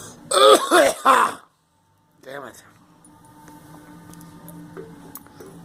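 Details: Three loud, voiced, wet-sounding coughs with a cold in quick succession, then a grunt; the speaker says they have been sick since getting a flu shot.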